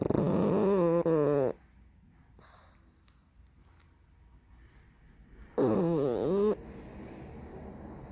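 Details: Two loud, wavering snorting breaths separated by a quiet stretch, from a sleeping pug that also barks in its sleep: snoring.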